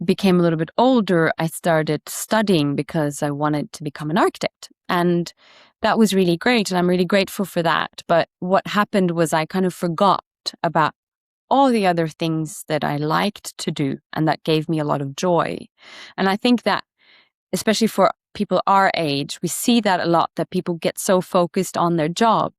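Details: Adult woman; normal speech.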